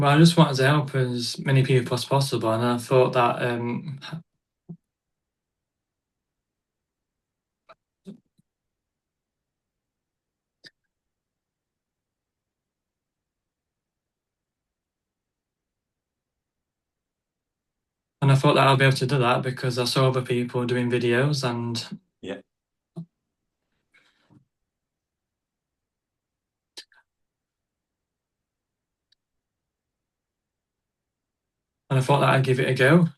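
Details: Male stuttering advocate who stutters, speaking in an interview with frequent blocks and long pauses: stuttering.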